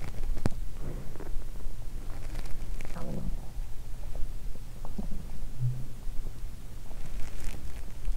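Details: Hunger bowel sounds in a fasting person's stomach during the opening segment: low gurgling and rumbling from an empty stomach, ordinary borborygmi; "I'm hungry, so I hear a lot of stomach noises."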